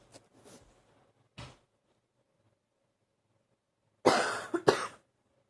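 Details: Candid recording during an allergy flare-up: several dry coughs, two quieter single coughs then a louder close pair, in a quiet room; cough.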